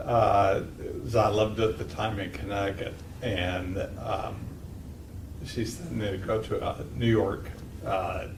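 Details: 52-year-old man with multiple system atrophy, cerebellar type; slurred speech began about two years earlier along with ataxia, and he walks with a cane. Clinician calls it classic ataxic speech: ataxic dysarthria.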